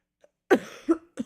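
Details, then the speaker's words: Two or three short, dry cough bursts from an adult still sick with a cold, after feeling slightly better the night before and then worsening. "But if I talk too much, I'm going to have a coughing fit."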